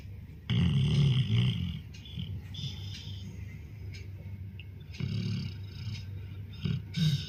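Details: A 14-year-old black Labrador snoring while asleep: low, rattling rumbles on its breaths, about three in seven seconds, with quieter breathing in between.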